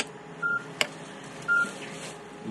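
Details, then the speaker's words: Two short steady beeps with a faint click between them in a quiet room: a C-arm fluoroscopy unit's image-capture tone when the top button is pressed to save a picture, during procedure-room preparation. "This button at the top is how you take photos. So if they say picture, you press this button and then you'll hear a noise."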